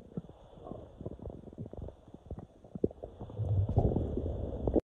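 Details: Low gurgling rumbles and bubbling pops, growing louder toward the end; loud bowel sounds (borborygmi) as air moves through the intestines of a person who woke with intestinal cramps.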